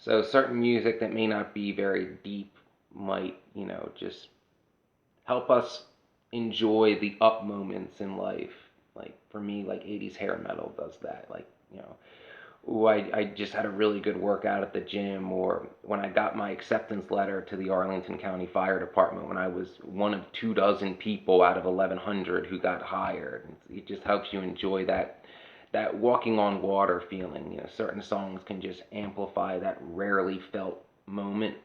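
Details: adult woman whose voice changed after laryngitis in 2009, unable to sing for over a decade; dysphonia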